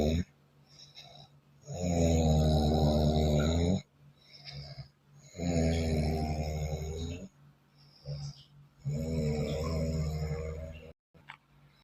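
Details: Loud, rumbling, droning snores on each in-breath, about 17 a minute, with quiet out-breaths between, sounding like an engine; heavy snoring.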